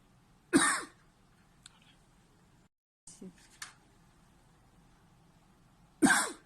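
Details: A 40-year-old man with about 2 months of paroxysmal cough from a right vagus nerve schwannoma: two sharp, explosive reflex coughs separated by quiet. The coughing fully resolved after the tumor was removed.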